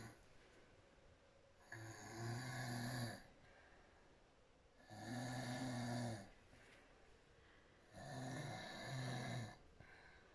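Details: Adult woman in deep sleep with her mouth wide open; soft snoring grew stronger and louder: loud rattling snores on each breath in, about 19 a minute, quiet breaths out, household noise around.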